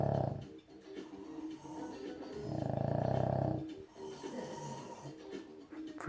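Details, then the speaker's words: Person or dog recorded late at night draws in low, fluttering, rattling breaths slowly, one long loud one in the middle; snoring. "So it's who snores louder? My dog? Or my brother?"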